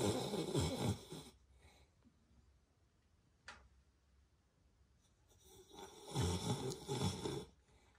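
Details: Pet Beagle dog snoring very loudly while the owner says it is awake and tells it to stop: canine snoring.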